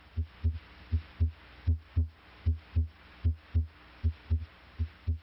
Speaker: the first sound s1 arises from closure of the mitral valve bicuspid valve closure may also contribute to s1 the second sound s2 arises from closure of the aortic valve pulmonic valve closure may also contribute to s2